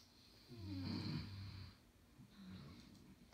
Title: SNORING COMPETITION ( hilarious)